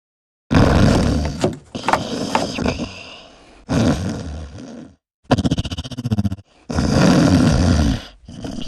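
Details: Husband's loud snoring: very loud, harsh snores with roaring breaths and a fluttering, vibrating stretch between them, heavy upper-airway snoring; posted for entertainment purposes only.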